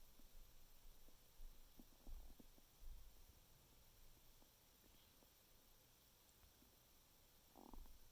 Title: stomach making noises 9/6/2020